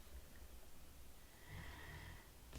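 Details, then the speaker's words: Loud snoring from a pet rabbit; bunny snoring. "hear that that's a bunny snoring bernie are you snoring silly y'all he snores so loudly it's not even funny"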